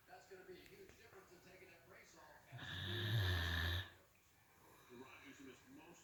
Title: Great Dane snoring